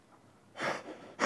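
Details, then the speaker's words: Weak cough after swallowing during a neurology swallow test: the food bolus may be slipping into the airway instead of the esophagus, the patient cannot fully clear it, and pulse oximetry drops 1%. "amounts of the food bolus may be slipping down into the airway instead of down into his esophagus and the fact that he can't actually clear the bolus fully um is also going to have implications for our management"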